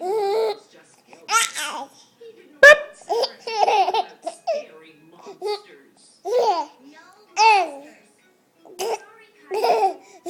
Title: Funny hiccup baby boy